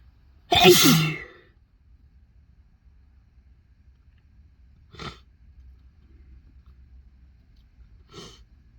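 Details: Induced sneezing: one loud full sneeze followed by two small restrained sneezes; from a compilation of restrained, into-tissue and mostly normal sneezes.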